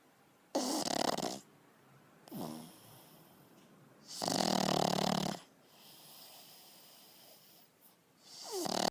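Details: Pug asleep after a hard day and a big dinner: loud, harsh snorting snores alternating with quieter wheezy whistles and faint squeaks; noisy, congested-sounding breathing while snoring.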